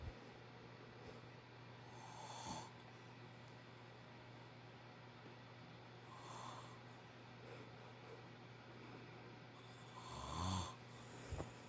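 Quiet room with three slow, rough snoring breaths about four seconds apart, roughly 15 a minute; snoring during sleep.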